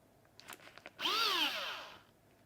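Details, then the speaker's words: Test run of an OnControl powered bone marrow driver with the biopsy needle attached, checked for looseness before a bone marrow biopsy in a practical demonstration. A few clicks, then a brief high-pitched drill whine rising and falling for about a second. "if you want to test that it's okay and it's not loose before you start to use it place your finger on the trigger and just give it a small push"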